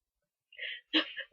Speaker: Oh, I think I'm gonna sneeze again.